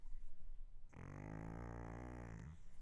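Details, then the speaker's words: Sleeping pug, described as very loud: a loud, low, rattling drone from a small flat-faced dog; snoring. "So, if my pug is snoring, she's so loud, like"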